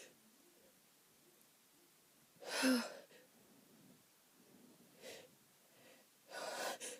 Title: Itchy allergy sneezes